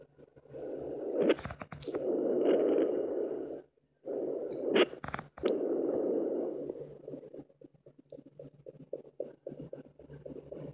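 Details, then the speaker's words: German Shepherd dog 8 weeks pregnant, temperature 98.1–99.4 for 5 days with whelping expected soon: after rubbing noise, faint, very fast soft fetal puppy heartbeats through the abdomen, with three or four heard at once; puppies are rolling and kicking. "But anyway, we're going to hear the heartbeats right now. I know I'm hearing like three or four at the same time by the echo and the tone and the placement of the heartbeats."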